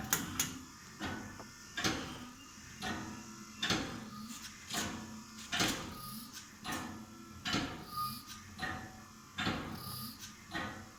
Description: This is a prototype model of low cost mechanical ventilation system